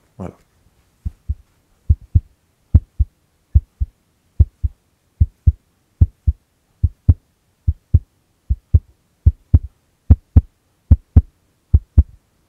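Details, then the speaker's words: Foley heartbeat made by sharply snapping a folded thick cloth: paired low thumps at about 74 a minute. Thicker fabric gives a deeper sound. "- Aujourd'hui, je vais vous expliquer comment réaliser le bruitage d'un battement de coeur."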